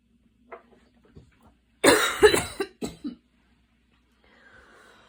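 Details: Evening asthma cough after walking and running outside in the rain with intense breathing: a few small throat sounds, then a burst of about four harsh, chesty coughs in a quiet room.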